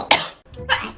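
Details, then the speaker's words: Woman sneezing after announcing she has to sneeze: a brief, sharp burst of breath then a second short expulsion in a small room; sneeze. "oh I have to sneeze get it out get it out come on come through come through girl that felt so good"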